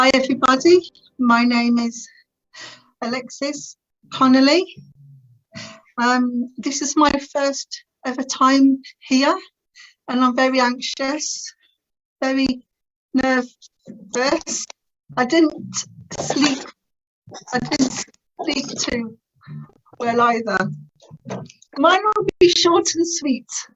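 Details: Adult woman who has stammered since about age three, describing it as uncontrollably bad, with teenage years when she could hardly put two words together; later attended the Starfish Project speech therapy course to gain control; stuttering.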